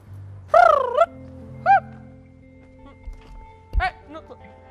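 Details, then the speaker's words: A 20-year-old woman with Tourette syndrome, which causes uncontrolled movements and sounds: sudden loud, high-pitched, wordless squeal-like bursts, vocal tics. "am tourette syndrom erkrankt unkontrollierte bewegung laute das aufstoßen ob zehner worte ohne den willen der betroffenen"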